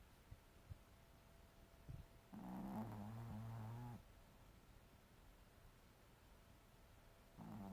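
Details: Teacup Maltese dog in deep sleep, snoring loudly all night, human-like; one loud, rumbling, nasal snore over a second, then quiet breathing and the start of another; snoring.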